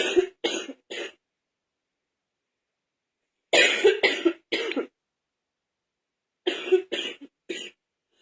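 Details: Adult's candid wet cough during a cold: three separate runs of three to four loose, rattly coughs.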